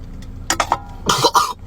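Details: Adult male under the weather, possibly from the weather change, coughing during a gym session: a few short, harsh coughs in quick succession with some throat clearing; faint room noise. Cough.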